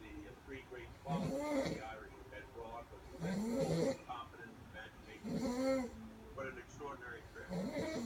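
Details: Person snoring in sleep: rhythmic, rattling snores on each in-breath, about four in eight seconds, with quieter breathing between them.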